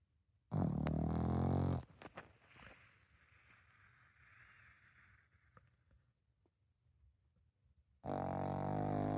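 Loud, low, buzzing snore on breathing in, then quiet, then another long rumbling snore; heavy snoring in a flat-faced dog.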